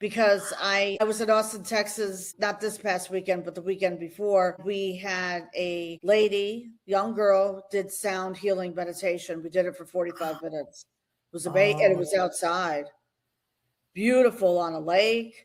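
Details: Adult woman speaking; normal speech.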